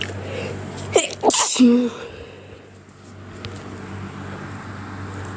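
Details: Two quick, sharp sneezes close together, part of a long run of repeated sneezes recorded while sick with a cold (since recovered); sneezing.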